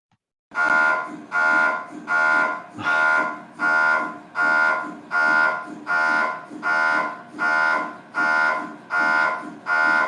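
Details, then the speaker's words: Loud, steady buzzing MRI scanner tone pulsing in bursts about 79 times a minute: the tone reflects the repetition time (TR), the pulsing reflects magnetization-preparation steps. "so the ah that tone comes from the tr like how fast these are happening and then mac prep mag prep like breath and that's why it sounded like that okay otherwise it would just sound like right like it's just the tr but no because you have these preps it sounds like"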